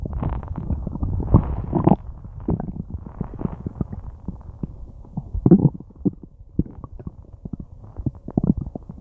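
Loud gurgling and growling from the abdomen with frequent bubbling pops, typical of active digestion.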